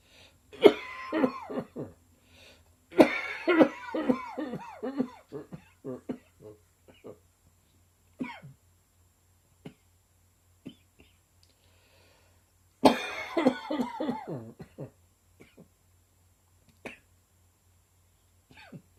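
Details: Repeated fits of short, sharp, dry coughs in quick runs, with brief quiet gaps and single coughs between; a sudden dry summer cough.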